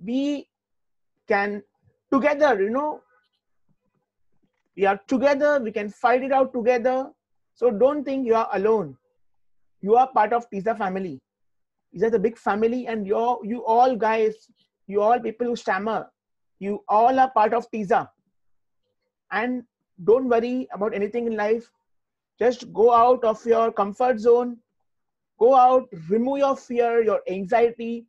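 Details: Adult man, an IT professional who stammers, answering a question in an interview; stuttering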